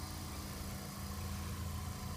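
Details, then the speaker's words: Nursing-school demonstration of tracheostomy suctioning on an adult patient, suction set to 100–120, applied for 10–15 seconds while twirling the catheter: a steady low motor hum of the suction machine running. "i will enter into it holding the calf with my thumb and forefinger apply suction while twirling it kind of between the two fingers and for no longer than 15 seconds but ideally 10 to 15 seconds would remove it"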